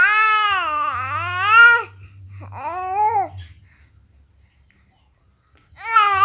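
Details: Fussy, crying baby: two loud wailing cries, then a pause and the start of another cry; ordinary fussy infant crying.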